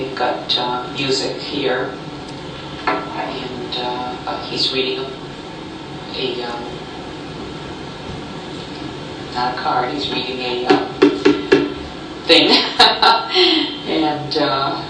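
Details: Adult patient describing a picture; Word-finding hesitations (logopenic primary progressive aphasia).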